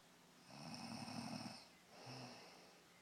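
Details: A woman knocked out during a daytime nap in the heat in Mexico, snoring: one long, rough snoring inhalation followed by a shorter, softer one in a quiet room.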